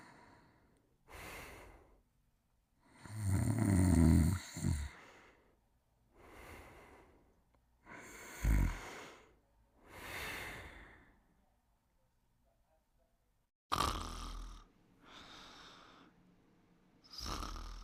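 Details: Irregular snoring breaths, some deep and rattling, others soft and airy, from two sleepers snoring.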